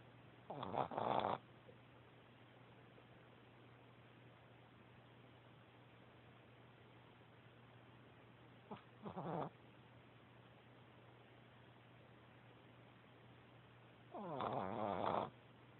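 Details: Soft snoring recorded on an Android phone: three brief, rough breath noises at uneven intervals against quiet room noise.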